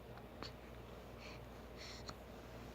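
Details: Baby hiccups: two faint, sharp clicks about two seconds apart with soft breathy noise between.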